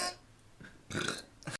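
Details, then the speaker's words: People deliberately burping for fun: two short, loud, gurgling belches, then a brief third sound, amid chatter about burping. "oh face it at me tk oh your finger's in the way oh it's still burping it's not at me oops nice"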